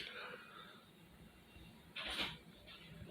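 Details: In a living room early in the morning, a single sharp sneeze bursts through the nose and mouth amid quiet room noise.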